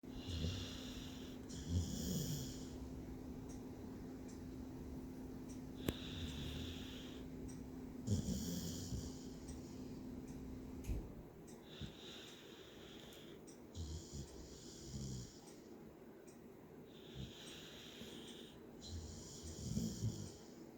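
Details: Irregular soft snorting breaths with low rumbling snores over steady room hum; snoring.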